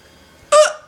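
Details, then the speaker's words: Single sudden, sharp voiced hiccup fading quickly after a quiet lead-in, from a young person with a bout of bad hiccups that started after laughing, recorded on an iPod. "and this is hiccup's part two just to let you know because i have hiccups again i don't even know why i have oh yeah cause i was laughing at the editing so anyway my hiccups are pretty bad"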